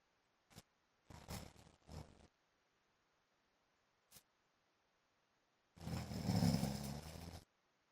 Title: PART 1 MY HUSBAND'S SNORING LIKES MOTORBIKE SOUND